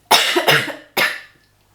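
Three loud, harsh cough bursts in quick succession in a quiet room; a plain cough.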